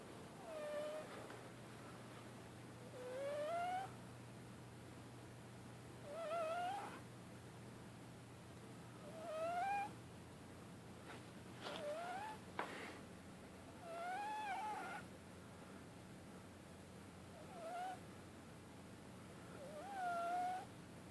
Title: Ragdoll kitten snoring / sleep talking loudly